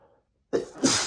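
Brief pause, then a sudden explosive burst with a second forceful gust, typical of a single sneeze.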